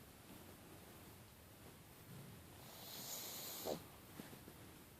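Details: Pug dog snoring.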